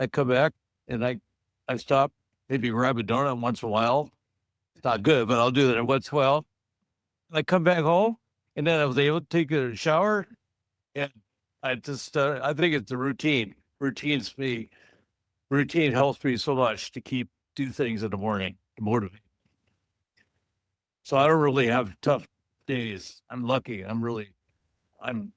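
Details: Adult male stroke survivor in an aphasia support group, with repetitions and grammatical errors; aphasia after stroke.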